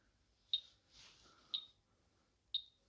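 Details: BTL Class 3 high-intensity therapy laser on trolley, demo, just after pressing start: three sharp high beeps about a second apart with a soft whoosh between, as the machine begins treatment; therapy laser operating.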